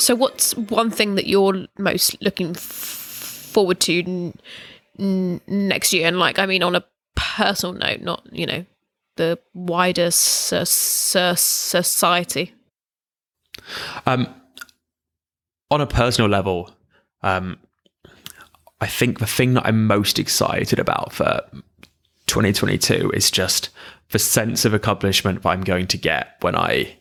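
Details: Stammering in an adult, in conversational speech.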